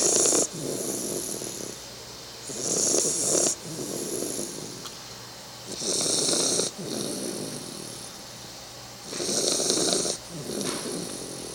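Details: A 3-month-old Bull Terrier puppy snoring while asleep, with rhythmic, rasping breaths at about 19 per minute.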